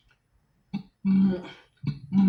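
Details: Person with Tourette's; throat-clearing or cough-like vocal tic in the middle of a sentence.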